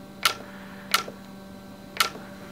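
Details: Three sharp, separate clicks over a quiet hum: a YAG laser firing shots during live vitreolysis of a Weiss ring floater.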